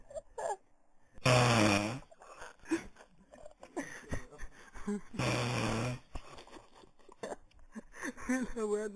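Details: Two loud, rough, snorting breaths about four seconds apart from a man asleep around 6 a.m., with quiet speech in the room between; heavy snoring.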